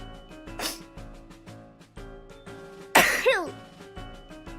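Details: VTuber sneezing during an evening drinking stream while testing whether being drunk stops a runny nose: a small sneeze, then a loud explosive one, over background music.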